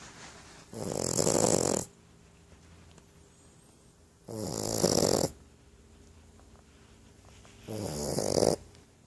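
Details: Sleeping female Boxer puppy: three long, rattling snores on the in-breath, about 18 breaths a minute, with quiet pauses between, a surprisingly massive snore for a little puppy: snoring.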